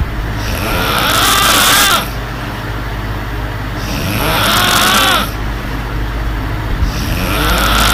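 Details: Girl recording her own snoring at night with a fan running: loud, harsh snores with a rising, whistling edge on each breath, about every three and a half seconds, roughly 17 a minute.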